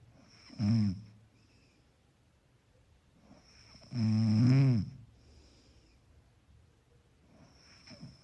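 Low, vibrating snores on inhalation, one short and one longer, with quiet pauses between; mellow sleep snoring.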